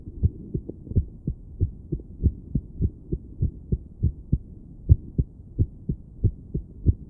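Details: Woman listening to her own heart with a stethoscope while sitting on her bed, trying to breathe slowly and relax: low thudding beats with uneven gaps that briefly steady then falter again, an irregular heartbeat.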